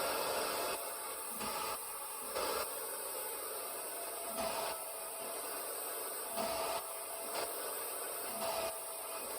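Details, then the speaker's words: Steady blower hum with whooshing surges and soft tones: RespiraWorks ventilator on blower-driven room air (21% oxygen), cycling at 10 then 20 breaths per minute in a rate demonstration. "Here we are at 10 breaths per minute, still tracking quite well. Moving on to 20 breaths per minute."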